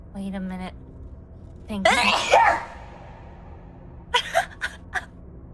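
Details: Sneeze: a brief voiced sound, a drawn-in breath, then a sharp voiced burst followed by short breathy huffs.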